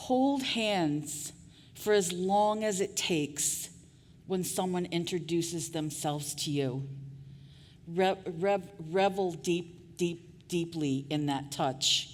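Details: Adult woman with stuttering, covert for years before she began speaking openly about it; real, not acted, during a keynote address: stuttering.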